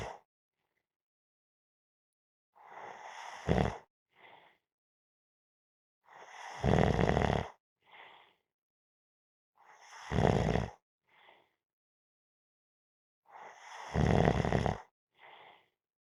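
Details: Snoring while napping: four loud, rough snores at about 15 per minute on the in-breath, each followed by a short, softer out-breath.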